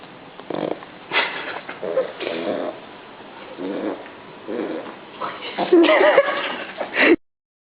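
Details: Young pug taking an afternoon nap, snoring: irregular rattling, snorting breaths with grunts, typical of a flat-faced breed.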